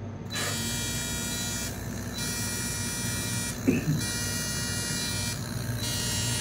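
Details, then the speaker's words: Steady loud buzzing hum with faint rhythmic variation and a brief clack: fractional CO2 laser resurfacing of a post-burn facial scar, fifth and final session after numbing cream, roughly 90% improved. "मैले सुरु गरे है त उहाले नम्बिङ cream लगाइसकेको छ पुछिसक्यौ अब हामीले अब treatment start गर्छौ।"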